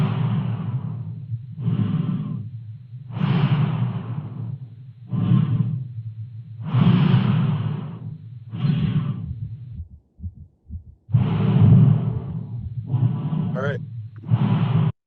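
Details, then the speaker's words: Normal dog breath sounds from a canine vet trainer simulator (black lab model): soft, regular whooshing breaths in even in-and-out cycles, replayed. "we'll try one more time with the normal breathing maybe you did hear"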